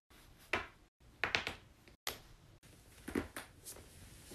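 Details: Sharp, brief pops and clicks in a quiet room, some in quick pairs: continuous joint cracking.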